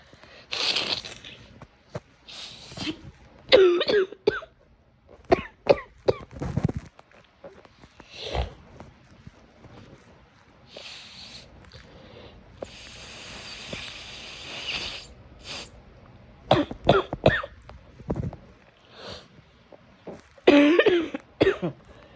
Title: The cough from hell